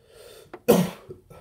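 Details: Adult ill with a very bad cough, runny nose and rashes: a single forceful, harsh cough burst with a short catch before it, in a quiet small room.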